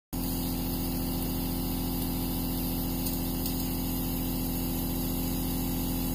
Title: Nebulizer aerosol noise #asmr #nebulizer #noiselovers